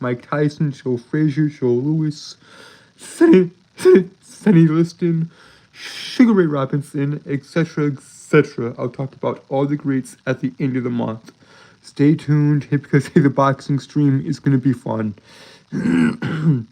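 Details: Stuttering in an adult male streamer who says he has a speech impediment that makes him stutter and trip over his words; finding: stuttering.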